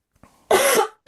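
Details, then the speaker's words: Speaker who says their voice is affected from coughing non-stop gives a faint breath, then a single forceful, harsh cough lasting about half a second. "Uh, sorry about my voice. I've been coughing non-stop"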